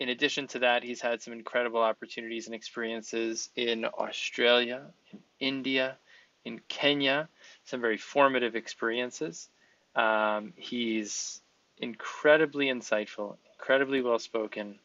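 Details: Adult male speaker; typical speech.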